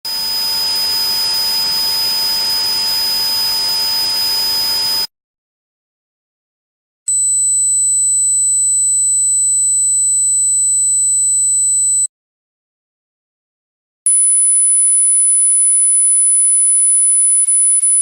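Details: Simulated tinnitus: three high-pitched ringing and hissing sounds separated by silence, imitating what a person with tinnitus hears.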